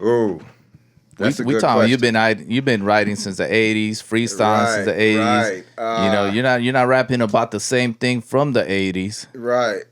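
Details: Adult man speaking in an interview; ordinary conversational speech.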